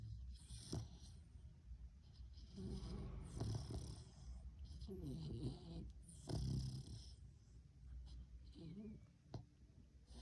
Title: कुत्तों के खराटे 🐶😂 dog snoring funny video #shorts